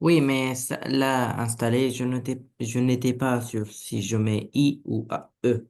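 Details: Adult speaker, French; ordinary speech.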